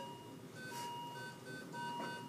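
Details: Repeating electronic beeping tones over room noise: a patient monitor alarm in an ICU ACLS scenario of a patient with non-sustained ventricular tachycardia, episodes lengthening, dizziness and chest discomfort, before cardioversion and shockable CPR.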